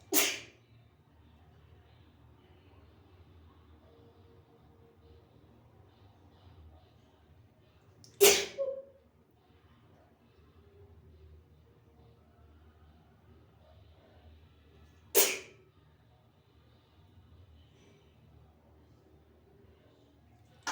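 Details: Sneezing fit from dog allergy, person hiding in a bathroom: three sharp, explosive sneezes spaced several seconds apart in a quiet small room; sneezing.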